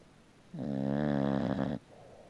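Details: Mabel, a rescued puppy-mill mother bulldog, sleeping in the sunlight: a single long, low, buzzing snoring breath lasting just over a second.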